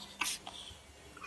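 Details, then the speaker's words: A tired kitten gives a single brief, hissing sneeze while resting, followed by a faint snuffle, in a quiet room. "Что такое? Ты чихаешь или что?"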